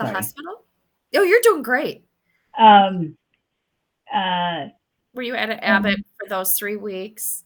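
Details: Adult woman speaking; normal speech.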